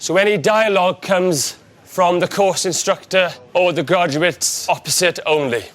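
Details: Adult man; fluent speech.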